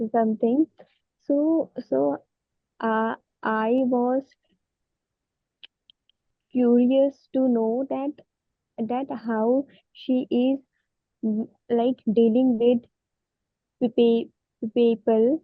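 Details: Woman who stammers, reports her stammer is worsening and her mouth freezes on words so she cannot say what she wants; stuttering.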